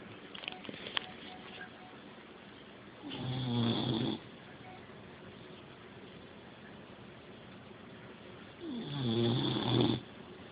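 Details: Snoring from a sleeping male dog: two loud, rattling snores about five seconds apart, each lasting roughly a second, with quiet breathing between them and faint room noise.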